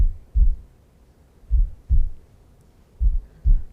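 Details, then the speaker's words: Normal heartbeat played during a heart-focus class: deep, steady paired thumps, slow at roughly 40 beats a minute, with no added sounds. "And Michael's playing the heartbeat. Isn't it amazing how many times that heart beats?"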